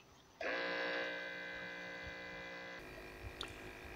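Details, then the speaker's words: Steady electric pump whine of two automatic upper-arm blood pressure monitors inflating together, arms held straight, cutting off abruptly; readings 142/92, pulse 97, and 139/98, pulse 95. "now i've clicked out a bit of the inflating time and i'll do the same to the deflating time so the new one's a little quicker than the old one"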